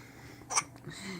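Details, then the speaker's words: Hiccups in an infant girl: a single short, sharp gulping burst in a quiet room while she wiggles. "Do you have hiccups just like Mommy? I'll take that as a yes."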